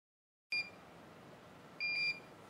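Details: Fresenius Kabi Agilia infusion pump: two short high-pitched electronic beeps, the pre-alarm warning that the infusion is about to finish.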